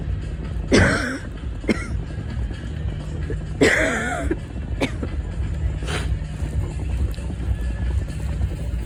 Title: little asthma coughing on the way home